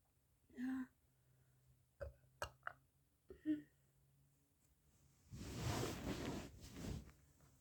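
A short throaty belch, then small gulping clicks and a second belch, followed by a breathy exhale: burping.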